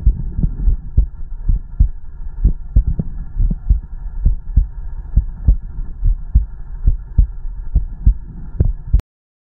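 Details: Normal heartbeat: steady low thumping over a faint hum, roughly 80 beats a minute, from an ASMR recording of heartbeat and stomach growling.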